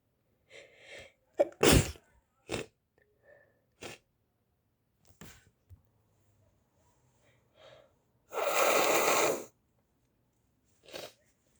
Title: my little brother can't stop sneezing he is sick